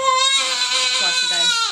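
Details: Four-week-old boy, unsettled for about an hour and a half after bottle feeds, gives a loud, high-pitched, sustained, strained wail in a chiropractic visit; described as a really uncomfortable cry; infant cry.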